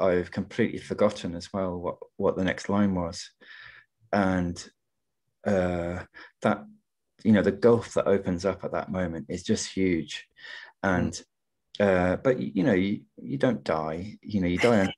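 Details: Adult poet who stammers, speaking in a webinar on stammering and creativity: stammering.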